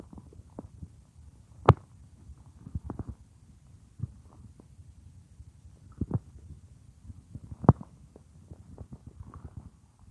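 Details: A woman's own stomach, heard as if lying on her belly: scattered low gurgles and a few sharper pops over a quiet background. Ordinary bowel sounds (borborygmi).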